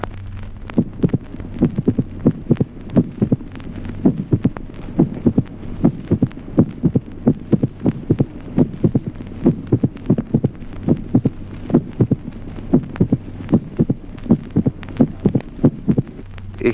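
Slow, irregular heartbeats with a sharp, clicking extra sound well after the second sound: a widely spaced mitral opening snap in atrial fibrillation.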